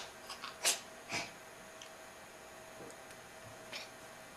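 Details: Cat sneezing and coughing the night before a vet visit: a few small, sharp nasal bursts of air in a quiet room. Sneezing.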